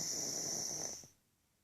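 One loud, harsh, hissing snore lasting about a second, then quiet; snoring in a flat-faced dog.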